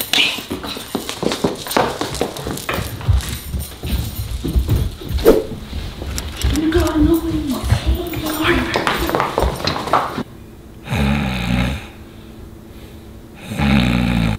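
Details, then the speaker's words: Staged comedy skit in which a sleeping man snores loudly, said to sound like a bear. "we made it but y'all hear that snoring I hear him yeah he sound like a bear"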